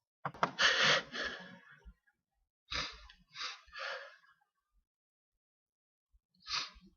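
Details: Gasping, hitching breaths build up, followed by a few short, forceful sneeze bursts and a final sneeze after a pause; an uncontrollable sneezing fit.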